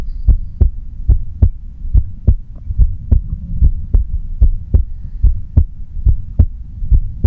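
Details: Quiet heartbeat recording with no talking: deep, regular lub-dub thumps at about 70 beats per minute with a steady rhythm; normal heartbeat.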